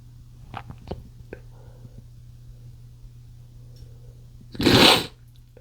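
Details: Male trying to stifle sneezes after chikni sneezing powder: a few small muffled catches and sniffs, then one loud, breathy sneeze burst escapes; quiet room.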